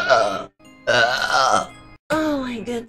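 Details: Female streamer's long, loud, drawn-out voiced belches, one after another, with background music; burping.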